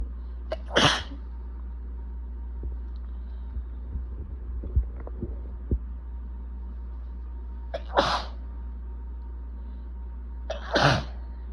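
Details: Person with bad allergies and building congestion: three forceful sneezes in about ten seconds with brief sniffs between, an itchy, desperate allergic sneezing fit.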